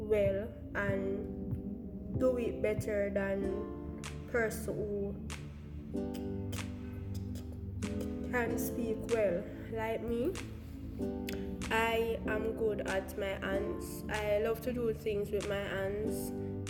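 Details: Stuttering in an adult Jamaican woman who describes her own stammer.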